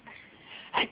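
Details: A 6-month-old baby's sneeze.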